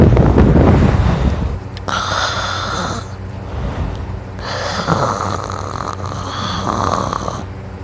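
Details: Adult snoring while asleep, noted as drooling: loud, rough, rattling snoring with the breath going in and out in long noisy runs.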